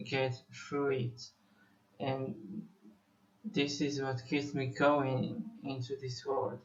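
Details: Israeli male musician who says he has stuttered for almost 21 years; stuttering.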